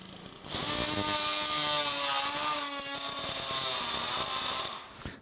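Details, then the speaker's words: Oscillating saw giving a steady high-pitched buzzing whine for about four seconds, then stopping, cutting the PCL box osteotomy through a cutting block on a Sawbones femur model during simulated total knee replacement teaching. "انا كده هشيل بعد كده البوكس بتاع البي سي ال، هنمشي على بالمنشار بتاعنا على حدود، طبعا ما احدفش شمال ولا يمين جامد علشان ما اكلش في العظم ولا نطش العظم."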